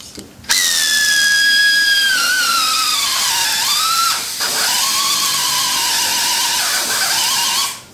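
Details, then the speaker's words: Primary total hip arthroplasty in a woman, S-ROM modular stem: powered reaming of proximal femur halfway down through the conus area after distal reaming stopped at 13; loud high whine, pitch dropping under load, pausing, then resuming. "Okay, so I'm going to ream halfway down, just through the conus area."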